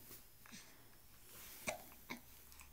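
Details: Two quick, sharp hiccups less than half a second apart against quiet room noise; hiccups.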